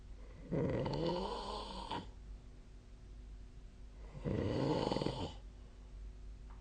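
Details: Adult snoring during sleep, recorded with the SnoreLab app on 2025/03/10: two loud, fluttering snores on breathing in, about four seconds apart, over quiet room noise.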